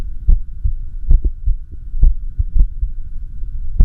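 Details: Echocardiography of the recorder's own heart during an arrhythmia, with the machine's heart sound: deep whooshing beats over a steady hum at uneven intervals with some early, closely spaced beats, an irregular heartbeat.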